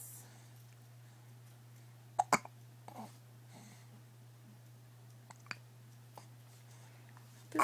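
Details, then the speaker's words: A child having hiccups: a few sharp, brief gulping sounds against a quiet room hum; hiccups. "have the hiccups? Are they funny? Say hiccup."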